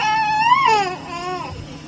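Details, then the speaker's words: Brief, thin, soft wavering cry from a newborn boy, elicited by tickling his feet during a neonatal neurological exam showing abnormal findings; the cry is a little soft, though he clearly responds; weak infant cry. "a little bit soft but he certainly responds and lets us know that he doesn't like that"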